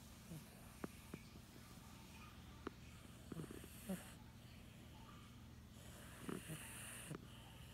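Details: Male pet cat in deep sleep, apparently dreaming, snoring with soft, low snuffling breaths over room hum; he twitches his legs and gives a loud snort.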